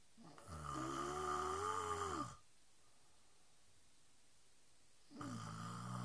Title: Haha my sister snoring